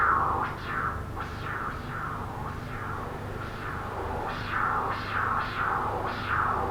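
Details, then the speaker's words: Lower-limb arterial Doppler at a femoral stenosis from significant plaque with persistent aliasing: pulsed whooshing with shrill high-pitched peaks about 90 a minute, peak velocity about 280 versus 44 proximally. "Y vemos como la luz no rellena de pared a pared, hay un estrechamiento y además parece haber aliasing. Vamos a subir la escala y vemos que el aliasing persiste. Entonces vamos a tratar de ubicar cuál es el sitio de mayor velocidad en esta estenosis."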